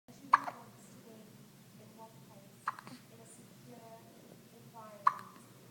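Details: One-week-old baby with hiccups: three abrupt, short clicking gasps about every two and a half seconds over quiet room noise.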